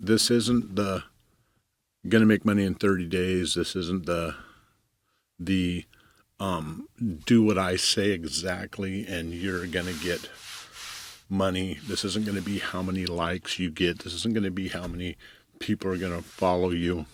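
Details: Stuttering in an adult man, self-reported; long pauses and fragmented phrases heard.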